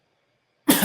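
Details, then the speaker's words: Single sudden cough-like burst after silence from a young man with Tourette syndrome; a daily vocal tic, not a true cough, that varies with his emotions. "So one thing I know, my cough is always with me, not my cough, but my tic. That one is always with me every day."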